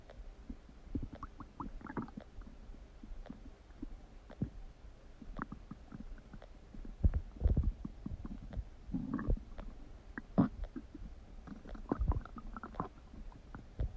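Low, soft rumbles with scattered pops and gurgles over faint background hiss, consistent with bowel sounds from gas and fluid moving through the gut.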